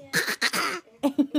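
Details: Child's voluntary fake cough: three harsh, breathy bursts followed by three short voiced huffs.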